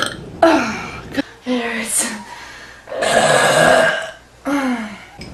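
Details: Repeated burping: three long, loud, voiced belches with a low droning pitch, separated by short pauses.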